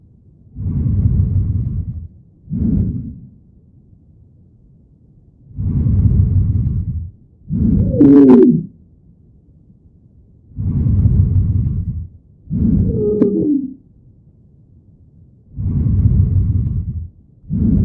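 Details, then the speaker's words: Simulated breath sounds at about 12 breaths/min with musical, prolonged, high-pitched whistling wheezes on expiration; wheezes usually reflect distal airway obstruction. "Then the wheezes, which is musical, prolonged, and usually high-pitched. Most commonly expiratory. Usually reflects distal airway obstruction."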